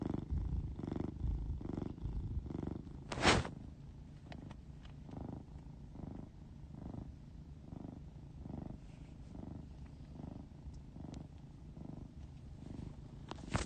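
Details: A male cat's last snore and purr before his death: a low, rumbling purr mixed with soft snoring, rising and falling in a steady rhythm.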